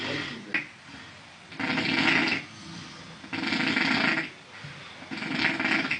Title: Bro snoring and farting at the same time💀#druski